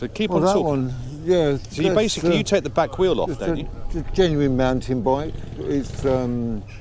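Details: Adult man speaking outdoors; Typical speech.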